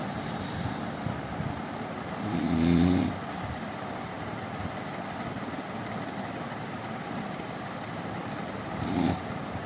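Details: Indian man snoring: two low, rumbling snores about six seconds apart over steady background hum; ordinary snoring during sleep.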